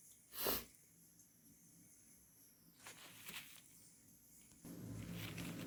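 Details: Hay fever or induced sneeze: one sudden explosive wet burst of air, then quiet breathy noise.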